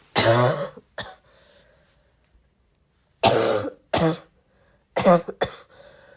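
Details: Repeated harsh coughs, about six bursts in pairs and singles with quiet gaps between, with pained "ow" exclamations nearby; a persistent cough.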